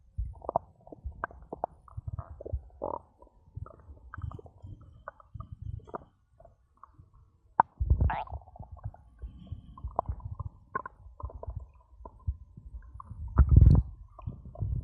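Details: Bowel sounds (borborygmi) after drinking cola, recorded for ASMR: irregular low gurgles, squelches and rumbles from the stomach, some short and some drawn out.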